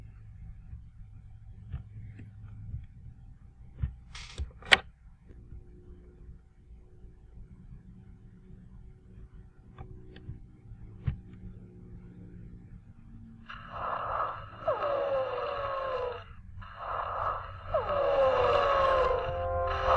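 Quiet start, then long high musical whistling sounds with breathing, a wheeze from narrowed airways.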